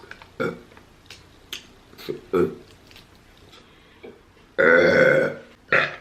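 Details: Person repeatedly burping while eating during a mukbang, a stretch of continuous burping: several short belches with mouth noises, then one long loud burp and a brief final one.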